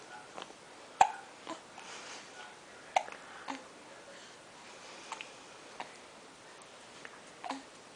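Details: Hiccups in a smiling baby boy aged 6 weeks 3 days; hiccup sounds while a caregiver says "boop" to him.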